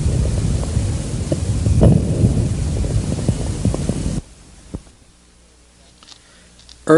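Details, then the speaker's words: Coarse, low-pitched crackling early in inspiration over loud breath noise; early inspiratory crackles from proximal larger airways, typical of severe airway obstruction, unchanged by cough or posture, seen in chronic bronchitis, asthma, emphysema. "inspiratory crackles are characteristic of severe Airway obstruction and appear to be produced in the proximal and larger Airways they are not silenced by cough or change of posture"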